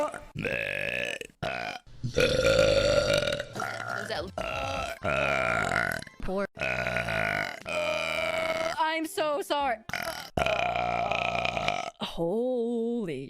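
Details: Burp compilation: a run of loud, drawn-out voiced belches, several in a row with brief pauses between them.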